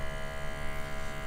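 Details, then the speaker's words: Steady low electric hum of a SoClean 2 CPAP sanitizer pump circulating ozone through CPAP supplies during a manual run. "so right now it is red and it's going to circulate that ozone through it'll take about a half hour and then it'll stop that part"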